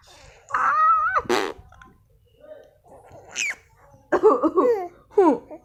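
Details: Baby coughing and laughing: a squeal, a short ordinary cough, then giggling and babbling.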